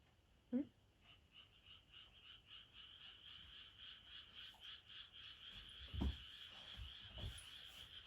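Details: Rapid, rhythmic snorting inhalations, about two per second, for several seconds from a Doberman: a reverse sneezing episode, forceful inward pulls of air through the nose.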